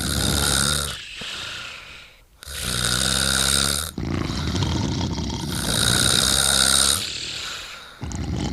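Loud rattling, vibrating snores in long breaths, with quieter exhales between them: snoring.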